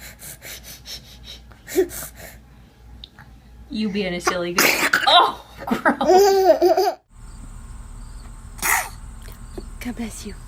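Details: A baby's small sneeze amid adult voices, laughter and background music; an ordinary infant sneeze.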